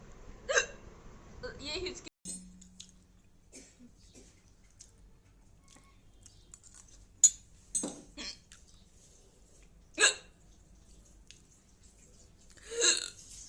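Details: Woman hiccups repeatedly, with short, sharp, involuntary catches in her breath roughly every two to three seconds: hiccups (singultus).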